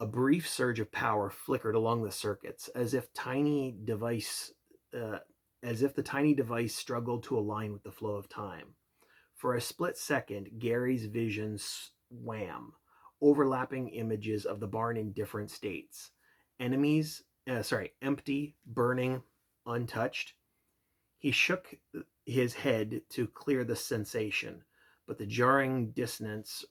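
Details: Stuttering in an adult man reading aloud as practice for his speech impediment; the passage contains restarts and a self-correction.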